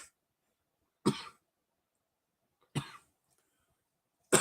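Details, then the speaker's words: Four separate dry, harsh coughs spaced over a few seconds, an irritant cough while dabbing cannabis concentrate, which the person says hits the lungs. "and i'm dabbing now so you're gonna probably hear some coughing"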